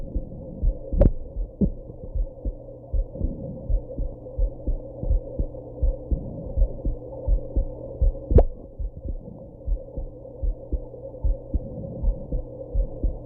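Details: Heartbeat with hiccups after smoking and drinking a little at a birthday: a steady heartbeat thumps over a low hum, and two sharp hiccup jolts break through it.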